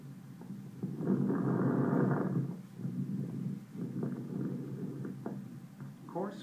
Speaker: fine crackles are discontinuous high pitched short crackling sounds on inspiration